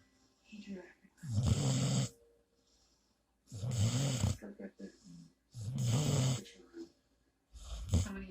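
Loud, rattling snores on each breath in, about 28 a minute, with quiet pauses between; ordinary snoring.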